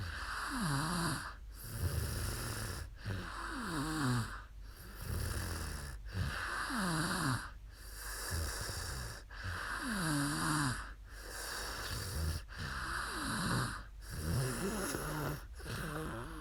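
Regular rough fluttering snores on each breath, about 19 breaths a minute, over steady room hum; snoring during sleep.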